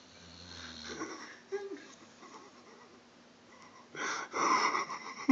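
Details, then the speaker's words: Sleeping dog snoring: soft whistling, wheezy breaths, then louder snorting noises. "what sorry dude you're making funny noises he's still sleeping"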